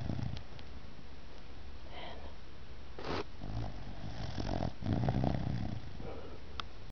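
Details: Six-month-old puppy snoring: soft, low rumbling breaths with faint snorts over steady background noise while asleep.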